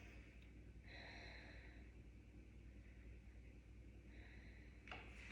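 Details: Two slow, airy breaths through the mouth from a female patient over low room hum, heard on lung auscultation by a student physical therapist; lungs clear and symmetrical, no crackles; normal breathing.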